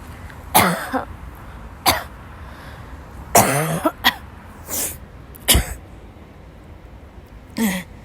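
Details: A woman, sick since waking, has a violent dry coughing fit in class: repeated harsh, dry coughs and throat clearing, about seven bursts in eight seconds, with short gasps between.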